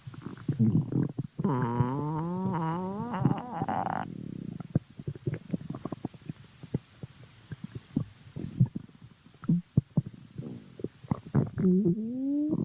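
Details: Stomach growling: loud gurgling, groaning rumbles with rising and falling pitch, then scattered pops and squeaks.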